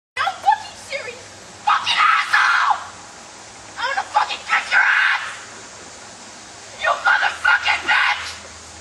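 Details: A boy crying, apparently angry: three loud, strained crying bouts with a wailing voice and pauses between, in a small room.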